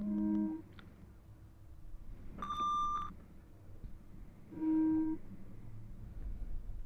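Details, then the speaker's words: Simulated ASMR hearing-test roleplay over headphones: three separate steady pure-tone beeps at different pitches, spaced apart in a quiet room. "So, the first thing that you're going to hear are some beeps. And I want you to simply just let me know when you hear those beeps come true."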